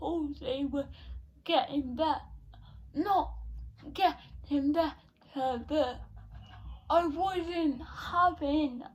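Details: Dysarthria in a 17-year-old female with cerebral palsy present since birth, diagnosed at 14 months, affecting her speech; speech therapy from an early age.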